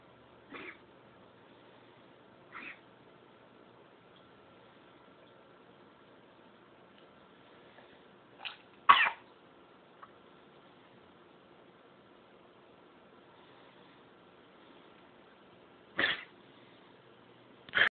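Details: A dog gives short, dry hacking coughs, some in pairs, typical of kennel cough.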